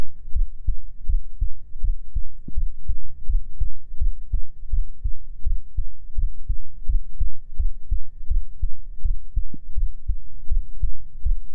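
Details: Heartbeat in a binaural ASMR sleep recording: steady, regular low thumps at about 80 beats a minute, a normal resting heartbeat.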